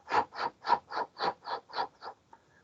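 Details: A person vocally imitates a dog's heart with seven rapid, regular whooshing bursts, mimicking murmurs from insufficiency of both atrioventricular valves; imitation, not a real recording.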